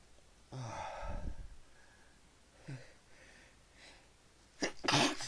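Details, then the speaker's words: Repeated sneezing after inhaling pepper and trying to sneeze it out of the nose: a sharp sneeze, a smaller one, then a loud double sneeze, with quiet breathing between; a run of sneezes. "Oh, that's much better. So now I can't stop sneezing. Sneezy."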